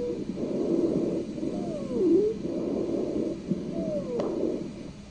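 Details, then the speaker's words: Patient's breath sounds with high-pitched musical whistles on each expiration from narrowed airways, typically heard first on expiration then inspiration; wheezing. "so we typically hear wheezing first on expiration and then later on inspiration okay let's take a listen to what wheezing sounds like"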